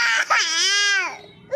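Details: Young child crying about going to school: a sustained, tuneful wail with rising then falling pitch, an ordinary crying episode.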